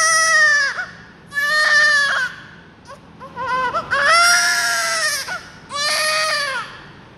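Loud, high-pitched newborn crying in repeated long wails with short breaks and gasps between them.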